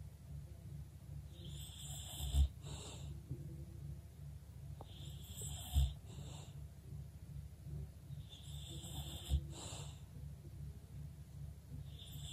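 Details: English Bulldog sleeping quietly: slow, regular snoring with snorting, whistling breaths about 18 a minute over a low room hum; bulldog snoring.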